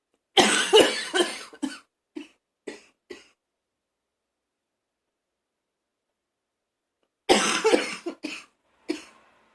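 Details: Someone in the bathroom, nearly vomiting, gives two bouts of harsh, rough coughing, about a dozen coughs in all, with strained gagging sounds: harsh cough with gagging.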